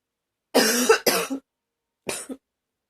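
Three harsh, forceful coughs: two close together, then one more after a pause. Ordinary coughing fit.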